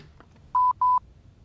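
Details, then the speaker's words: Two short steady electronic beeps as a Lifepak CR Plus AED switches on when the lid is opened during a routine speaker check, before the voice prompts: normal device start-up tone. "Push the lid release button to open and start the AED. You should hear the voice prompts."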